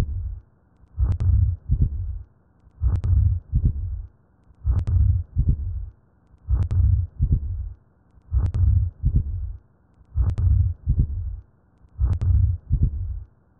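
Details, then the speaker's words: Simulated heart sounds in atrial septal defect, heartbeat about 33 a minute: a crescendo-decrescendo whooshing ejection systolic murmur ("lub-wooshh-dubba") followed by a split second heart sound. "Go ngunanguna mo go direga nakong ya systole gomme ke go ngunanguna ga crescendo-decrescendo. Go thuša go gafela go ngunanguna mo go gopola, o ka šomiša polelwana "lub-wooshh-dubba.""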